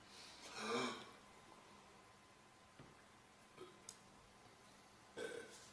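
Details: Girl burping: a long, loud burp followed by a smaller one and another near the end, over faint room noise.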